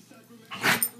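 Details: Dog has a sneeze attack: after a quiet moment, one abrupt, airy, explosive burst with a brief sharp tail, one of a run of repeated sneezes; sneezing.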